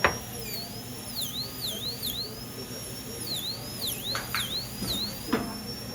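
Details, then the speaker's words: High-pitched dental drill whine dipping in pitch as it cuts, with faint room noise, using an 018 bur for incisal reduction on teeth #7 and #8 for porcelain veneers with lingual chamfer margins. "So we'll go back to our 018. And we want to take a couple of millimeters off the top."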